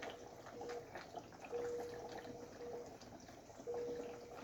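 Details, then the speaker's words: Bursts of bubbling water as a breath is blown through a tube into a half-filled water bottle, mask lowered; bubble positive expiratory pressure exercise demonstrated by a physiotherapist as respiratory physiotherapy for COVID patients, to clear secretions. "donc je baisse le masque donc je vais souffler tout simplement"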